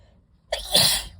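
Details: Sneeze from a person with allergies, induced by deliberately inhaling dust from library books: a single loud, explosive sneeze after a short quiet pause, with a sharp hissing burst of air.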